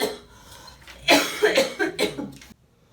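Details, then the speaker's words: Woman with cystic fibrosis in her first week on Trikafta gives about four harsh, forceful coughs in a quick run: productive cough. "now imagine over half of that being filled up with mucus dark thick green mucus that's pretty much what I've been bringing up for the past 24 hours non-stop"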